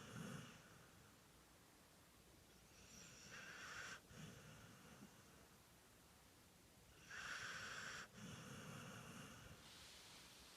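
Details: Two long, noisy, rattling breaths about four seconds apart against a quiet background; sleep snoring.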